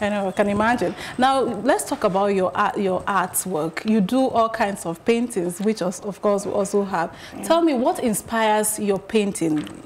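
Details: Adult woman, interviewer; Typical speech.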